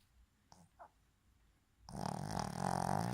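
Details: Boston terrier sleeping with eyes open: a few soft snorts, then a loud, steady, buzzing rattle on the breath; snoring in a short-nosed dog.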